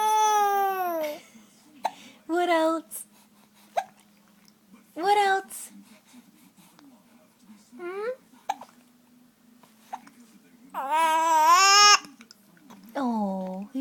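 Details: Infant fussing and crying in short, falling-pitch bursts separated by pauses, in a quiet room with a steady low hum; someone says the baby has the hiccups.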